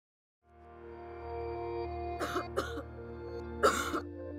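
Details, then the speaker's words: Three short acted coughs, two close together then one stronger, over soft music in a cough-medicine advert; simulated cough. "my family has a cough I need to find help from a cough expert"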